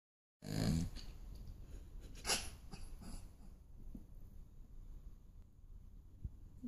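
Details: Dog snoring while asleep: irregular low rattling, snorting breaths, with a whimper-like sound near the start.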